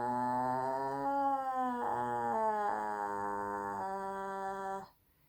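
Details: Female singer with a voice strained by a current cold, doing a vocal fry warm-up exercise up and down the scale; vocal fry with voice breaks (strained voice).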